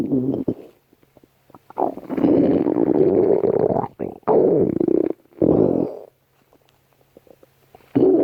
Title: stomach growling 2